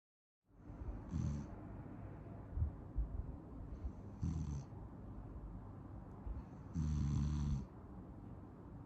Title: Sleepy snoring